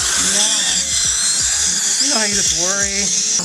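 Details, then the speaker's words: High-pitched whine of a dental implant drill from an Implant Direct kit running steadily during real implant surgery on a patient needing a shorter implant, under background music with some voice. "and just to stir up a little bit of controversy here I'm going to use an implant direct kit for my other implant"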